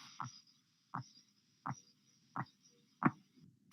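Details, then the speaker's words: Phase 1 Korotkoff sounds during blood pressure measurement, cuff deflating at 2 mmHg per second: clear, regular tapping about 85 a minute, their onset marking systolic pressure. "Ahí el primer ruido era el primer ruido de Korotkoff o fase 1. Es el primer ruido."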